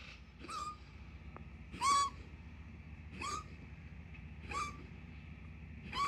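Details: Cat on pimobendan 2.5 mg/day, which helps but the cough persists: five short, harsh bursts about every 1.3 seconds, each with a brief tonal edge, over low background rumble: a repeated dry cough.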